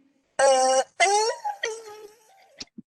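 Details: Older patient with a heavy smoking history and a rough, raspy voice for two months from squamous cell carcinoma of the vocal cord, with no right vocal cord vibration; strained voice, struggling to get voice out.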